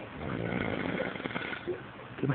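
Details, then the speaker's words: Snoring from a sleeping man, irritating to sleep beside: loud, harsh rattling snore running steadily through a short stretch. "es irritante dormir al lado de este Cerro"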